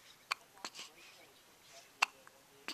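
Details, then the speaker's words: 4-week-old baby with hiccups at 6 a.m., held by parent; small, quick hiccup sounds, about four in under three seconds, with soft baby noises; ordinary infant hiccups. "Oh, we don't like them hiccups, do we?"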